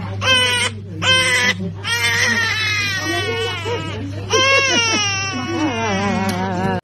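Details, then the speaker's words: Babies crying after vaccination shots in hospital: loud, high-pitched, sustained infant crying in repeated bursts after an injection, steady low room hum; infant pain cry. "As you know,baby is afraid of shots and hate shots So after a shot,crying is inevitable"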